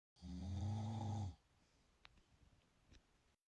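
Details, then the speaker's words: Husband snoring in sleep while anti-snoring mouth tape patches are tried: one deep, low, vibrating snore lasting about a second, then quiet breathing with faint clicks; ordinary snoring. "encontré estos parches para mi esposo, ya que la noche no deja dormir con tanto ronquido, así que dije, voy a calarlo a ver qué tan cierto es."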